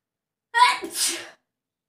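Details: A single self-induced sneeze during a sneezing challenge: a voiced 'ah' onset, then a hissing 'choo' burst, in a quiet room.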